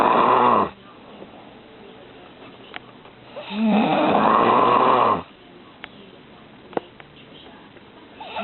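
Two loud, long rasping snores separated by a quiet pause of a few seconds, with faint room noise between.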